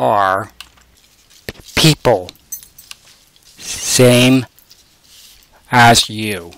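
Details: Aphasia in an adult man; speech recorded as single words or short phrases and assembled into sentences with the SentenceShaper communication aid.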